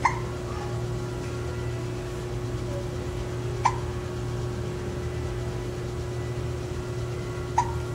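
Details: Hiccups: three brief, sharp hiccup catches spaced a few seconds apart over a steady low background hum.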